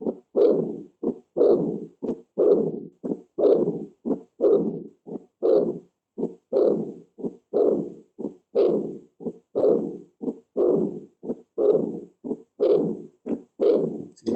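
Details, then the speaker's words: Austin Flint murmur from aortic insufficiency: regular heartbeat near 60 a minute with a long, low rumbling murmur filling each cycle. "dice lo que dura lo que dura ese soplo e este soplo de autoinflables se llama así es un soplo histórico por una insuficiencia aórtica se llama así por un honor al doctor qué lo describió"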